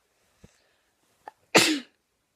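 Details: Child's sneezing challenge, sneeze provoked by putting a hair grip up a nostril; two small catching inhalations, then one sharp, loud sneeze burst.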